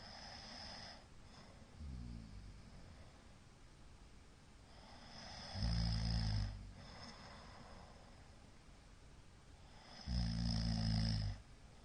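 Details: Middle-aged man snoring in sleep: loud, low, rattling inspiratory snores about every four seconds, with quieter breaths between. Recorder suspects possible sleep apnea.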